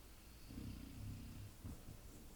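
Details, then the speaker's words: Pet dog gently snoring in the room while a man talks through a painting tutorial. "don't know if you hear the dog just gently snoring. That's a good thing to paint trees by."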